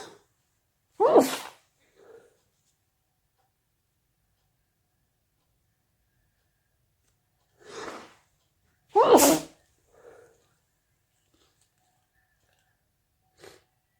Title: allergy sneezes